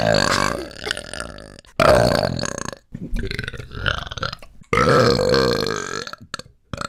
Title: Dad Burping